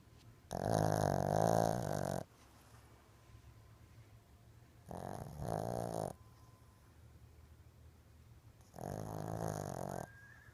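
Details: Sleeping Shih Tzu dog snoring: three long, rattling snores, each a second or two, separated by quiet pauses.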